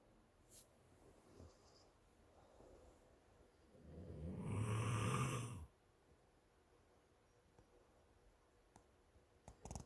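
A single loud, low, rattling snore on the in-breath, with quiet breathing before and after in a still room; ordinary snoring.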